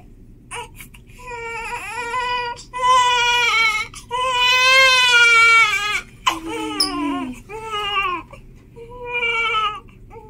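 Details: Loud, shrill, sustained crying in repeated bursts with brief pauses from a 13-hour-old newborn girl during her first hospital sponge bath, real not reborn; vigorous, healthy newborn cry.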